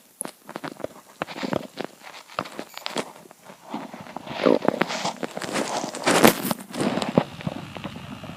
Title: Hungry Empty Stomach Rumbling Part 3 (22/10/2015)